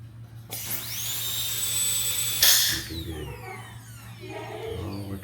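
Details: Dental handpiece run without water during a dental rheostat repair, with pressure checked on a gauge: a high-pitched whine spinning up, holding speed, then winding down; normal handpiece running.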